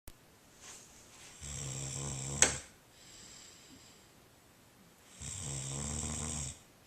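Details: Two long, buzzing snores on breathing in, separated by a quiet breath out and a brief click, recorded by a friend while the person sleeps, with sleep talking in the same recording; snoring.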